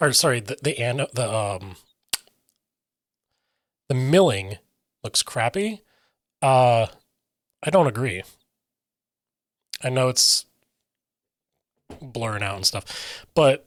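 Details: Aphasia in an adult male who reports difficulty articulating what he means and getting words out, sometimes substituting other words then trying to get back, describing his speech as scattered.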